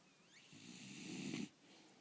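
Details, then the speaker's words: Sleeping pet: a single soft, rough snoring breath with faint room noise; snoring. "а Лилю ну посмотри Ну хватит храпеть Посмотри в камеру"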